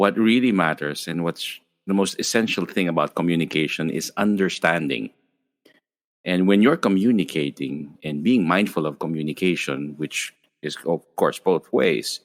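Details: Adult male speaker; ordinary fluent speech.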